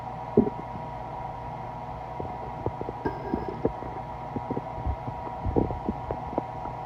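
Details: Stomach growling (borborygmi) recorded at 2:30 am after waking up, having not eaten all night.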